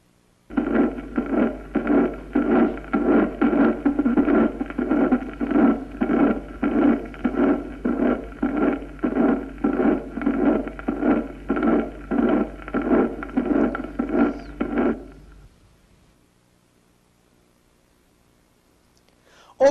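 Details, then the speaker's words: Regular heartbeat near 98 a minute with blowing holosystolic decrescendo murmur, immediate and reinforced in protosystole, loudest early then fading: mitral regurgitation type one. "puede tomar distintas formas o los sistólico de creciente con refuerzo en protosol Como sucede en una insuficiencia mitral tipo primero esto es con soplo inmediato inde decreciendo escuchemos"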